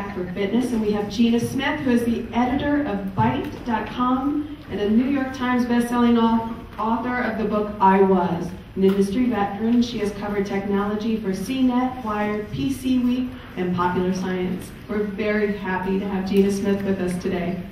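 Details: Adult woman speaking; Normal voice.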